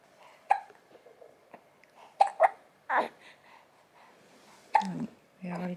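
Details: 36-day-old baby hiccuping after a milk feed: about five sudden, sharp, voiced hics over a few seconds.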